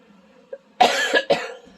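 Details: Adult who is sick and still stuffed up with a cold: two loud, harsh cough bursts close together in a quiet room.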